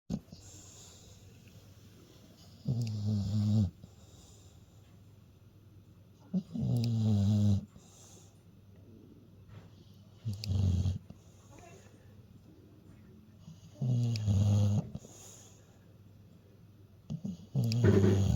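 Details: Deep, rattling snores recurring every few seconds, about 16 a minute, in a quiet room; ordinary snoring.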